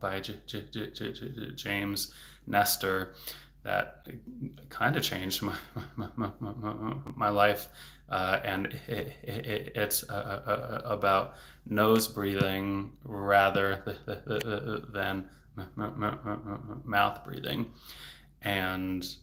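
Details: Adult man, a speech-language pathologist, who stutters; stuttering.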